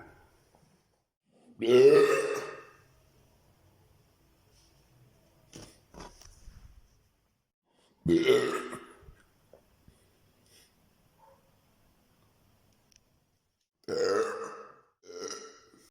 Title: Eructos, burps